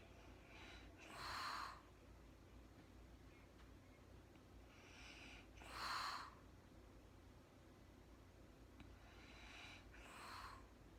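Soft, airy snoring breaths, about three in 11 seconds, with faint rasp over quiet room noise: light snoring during sleep.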